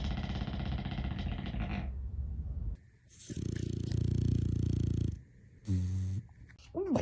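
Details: Loud, harsh, rattling snores from a sleeping dog, with brief snorts between breaths: heavy snoring.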